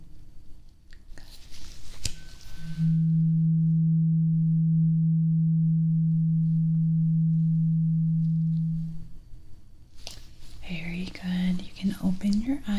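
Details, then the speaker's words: Simulated ASMR medical exam roleplay hearing test: an A2 tuning fork struck, ringing a steady pure tone for about six seconds then fading, the listener asked to say when it is no longer heard. "So, I want you to tell me when you hear that sound. Okay? Actually, I want you to tell me when you don't hear the sound anymore."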